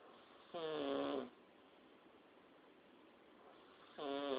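Two short, high-pitched, whistling, tonal snores about three seconds apart, separated by quiet breathing; an unusual whistling snore.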